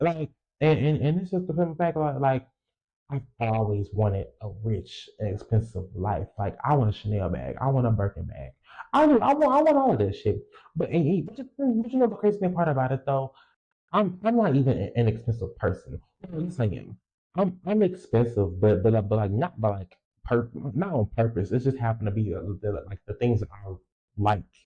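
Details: Young woman podcaster, stated to be 20, with a self-reported speech impediment and lifelong stuttering, left unedited; repetitions of words and sound parts; stuttering.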